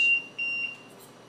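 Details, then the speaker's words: Liberty ventilator high-pressure alarm in SIMV mode with pressure support: short repeated high-pitched electronic tones, triggered by a stiff test lung. "and the reason the high pressure alarms is going off is because that's not you know that's a stiff log and you're getting a lot of pressure in there on a patient"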